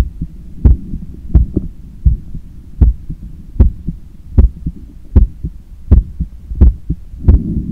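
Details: Normal heart sounds recorded with a stethoscope on the chest after a 10 km run, lying on a daybed leaning on the left side while controlling breathing: strong, regular lub-dub about 85 a minute, loud and forceful.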